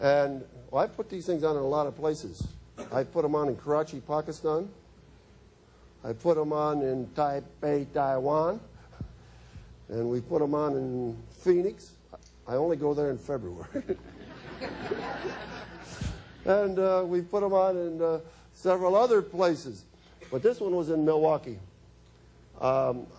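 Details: Adult man speaking; normal voice.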